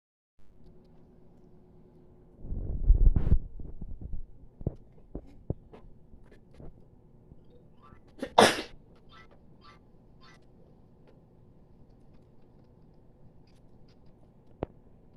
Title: Sorry for the lighting and my sneeze.